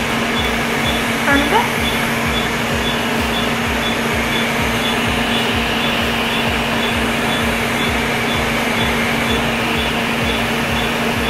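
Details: Laser hair removal device running during treatment of the face near the lips: steady machine hum with a constant low tone and faint, regularly spaced high beeps.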